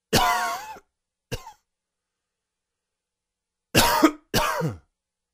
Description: Here is a quick, dry and wheezy cough.